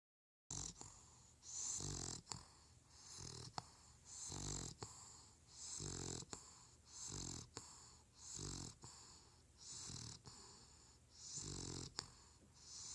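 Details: Regular rattling snores with each breath, about 10 a minute, with soft whistling between, from a sleeping bulldog puppy; puppy snoring.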